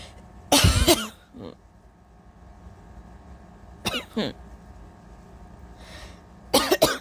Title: A few (mostly uncovered) sneezes and coughs before a much-needed nap🤧😫🥱😴